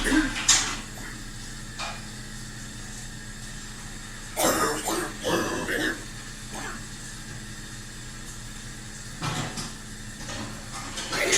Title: coughing & cleaning